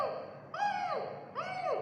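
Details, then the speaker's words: Simulated stridor: adult voice imitating an infant's abnormal breathing during newborn examination, two high-pitched, crowing, whistle-like breath sounds indicating a respiratory problem. "seperti itu ketika bayi itu nafas nya kok bunyinya seperti itu berarti dia ada permasalahan pada sistem pernaapasannya"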